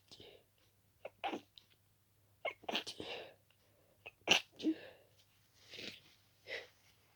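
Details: Rapid run of wet, stuffy sneezes, some stifled, barely any time to breathe between, with flaring, itchy nose; allergic sneezing fit in someone very allergic to dust.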